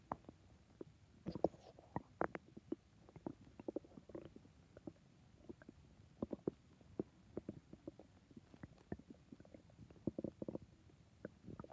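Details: Hungry person's stomach growling loudly: soft, frequent gurgles and clicks with short rumbling stretches, bowel sounds of an empty stomach.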